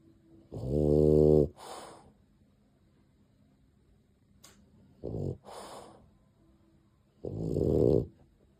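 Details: A dog named Aimer, sleeping peacefully in a quiet room, gives loud rumbling snores on each in-breath followed by a softer out-breath, about every three seconds; snoring.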